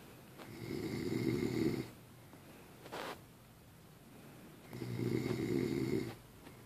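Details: Man snoring while asleep: two rough snores on inhalation, roughly three seconds apart, with a soft exhalation between them; snoring.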